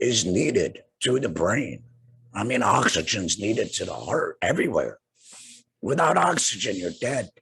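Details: Tracheoesophageal speech in an adult man two years after total laryngectomy for cancer treated with radiation and chemotherapy; he has no larynx, breathes through a neck stoma and speaks with a TEP voice prosthesis, using an HME.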